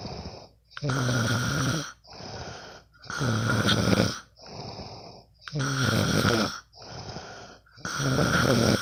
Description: Sometimes i can't sleep. So i will record my bff snoring...